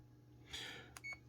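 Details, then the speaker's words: CADD PCA morphine pump already in use, continuous rate raised from 10 to 25 and confirmed: a brief electronic beep after a soft rustle in a quiet room. "donc une fois que vous êtes arrivé à 25 vous pouvez confirmer et le débit continue donc a été modifié"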